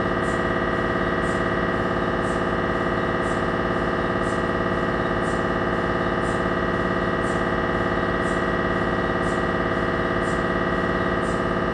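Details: Loud, steady, rapid buzzing drone with a regular pulsing beat, about 214 pulses a minute: gradient noise of a Siemens Magnetom Avanto 1.5T MRI scanner during imaging.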